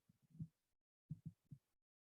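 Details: Blood pressure measurement heard through a stethoscope: soft, low thumps with each pulse that appear at systolic (high) pressure and fade away at diastolic (low) pressure; Korotkoff sounds.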